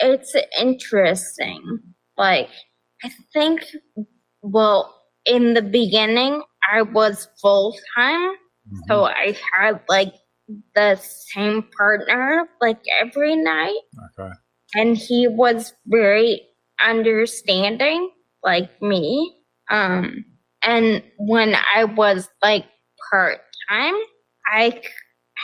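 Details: Adult woman with progressive ataxia of still-undiagnosed type affecting nerves, balance and speech; mainly a wheelchair user: ataxic dysarthria.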